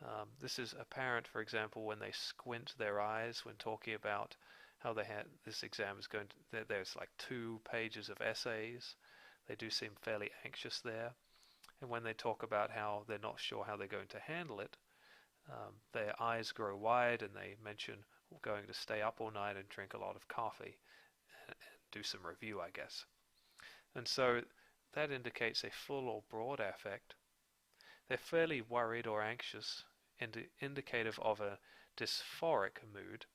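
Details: Adult male narrator; typical speech.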